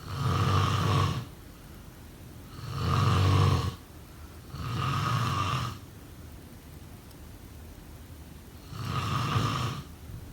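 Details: Snoring.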